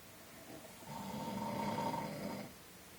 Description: Snoring. This guy is always snoring when he sleeps.